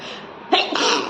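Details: Sneeze deliberately induced by tickling the nose with paper: a single brief explosive sneeze with a breathy burst.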